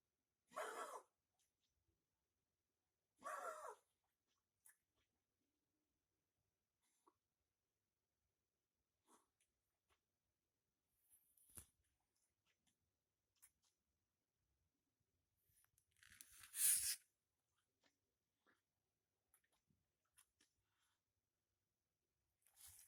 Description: Dog with Kennel Cough.